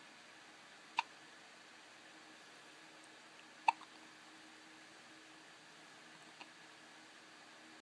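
Three brief, sharp, faint clicks a few seconds apart in a quiet room, fitting hiccups.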